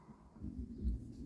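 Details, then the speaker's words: Low rumbling gurgle with uneven swells lasting about a second from the speaker's hungry tummy; ordinary stomach growling (borborygmi). "My tummy is grow. Do you guys hear that? My tummy is growling. It's like ready for something."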